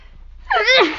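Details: Brief quiet lead-in, then one breathy, slightly squeaky sneeze with a falling pitch from a sick adult who is losing their voice; a deliberately provoked sneeze during an illness with cough.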